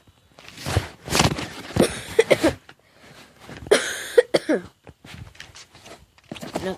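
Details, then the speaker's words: Adult outdoors, saying they are perfectly fine, gives several short, deliberate coughs in clusters with throat-clearing and quiet noise between: cough. "no worries guys I'm still coughing I gotta come and ask me if I'm okay yeah I'm actually really I'm perfectly fine"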